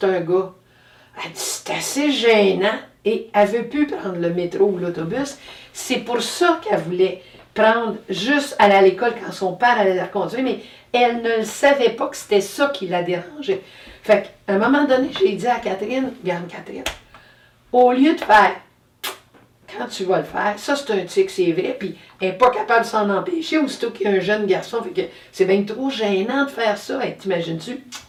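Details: Adult woman speaking French; normal speech.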